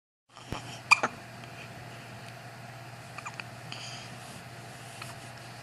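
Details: Baby hiccups, which occur at least twice a day.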